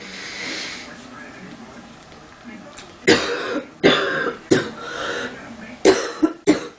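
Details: Female coughing sound-effect recording: after a quiet stretch, about six sharp coughs in short bursts, some with a throat-clearing quality.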